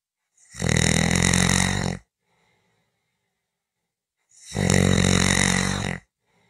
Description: I'm Back and here is Tuesday'short snoring clip.